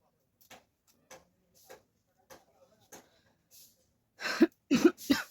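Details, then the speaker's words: Deliberate coughing-challenge performance in a hot room with the fan off, five soft coughs and then three louder, harsher bursts; acted voluntary cough, not illness. "Guys खासी हो रहा है उसके साथ जो है मुझे पसीना भी बहुत आ रहा है आप लोग देख सकते हो मतलब फैन ऑफ है क्योंकि वॉइस नहीं आएगा इसलिए मजबूरी में फैन ऑफ करना पड़ा"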